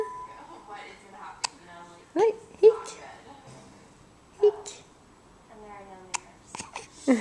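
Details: Hiccups in a Swedish-speaking young child, recorded on a Flip Video camcorder: short, sudden voiced catches recur between the child's quiet talk in a quiet room.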